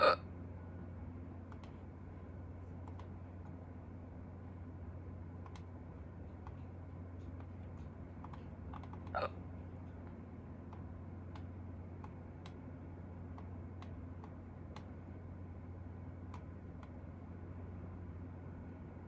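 One brief, sharp hiccup sound in a quiet room with a steady hum and faint clicking.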